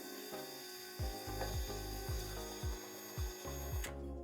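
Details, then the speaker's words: Conventional knee replacement demonstration: powered drill boring a large hole into bone to insert a long metal rod into the marrow canal for a guide; repeated short drill bursts over steady machine hum; surgical bone drilling. "기존 수술은 그 뼈의 각도를 보기 위해서 뼈에다가 큰 구멍을 뚫고"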